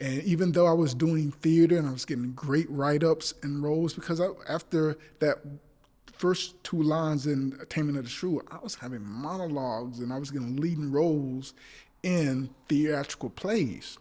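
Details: Adult male actor with stuttering since childhood that persists; stutters in this passage while trying to recall names, saying he is not nervous; stuttering.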